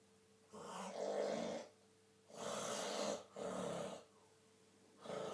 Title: Dad Snoring